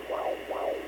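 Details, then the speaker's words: Handheld Doppler on the mother's belly during monoamniotic twin pregnancy: rhythmic whooshing fetal heartbeat at roughly 140 a minute, one twin located, the other nearby. "so we hear one baby right here and there's another one here"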